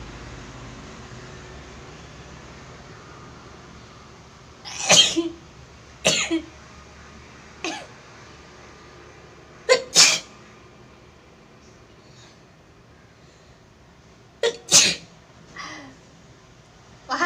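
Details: Woman doing a chili (chikini) powder sneezing challenge: a run of about six sharp sneezes, some in quick pairs, over steady room noise; sneezing.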